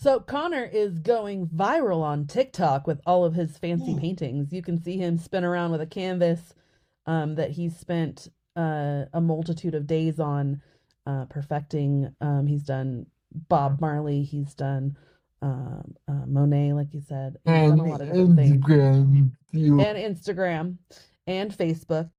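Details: Adult woman speaking; typical speech.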